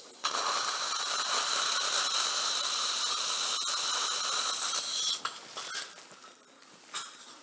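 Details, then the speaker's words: Middle-aged man, lower full-mouth implant surgery with immediate loading: drilling the first molar site for a 5.0 × 8 mm SQ implant. High-pitched whirring drill for about five seconds, then clicks. "yesterday I comment several times this kind of the SQ imp plant the drilling sequence is well designed already"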